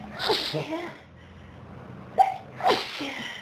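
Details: Quite intense sneezing fit: two sharp, explosive sneezes with a quiet gap between them, part of repeated sneezing that leaves the person needing to blow their nose; sneezing.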